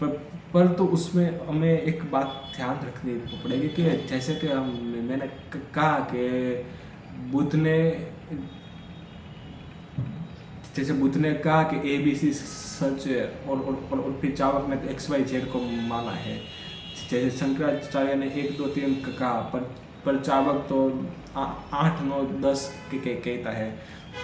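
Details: Adult man who stammers, on Day 4 of his daily stammering practice routine, counting backwards from 100 as fast as he can: stuttering.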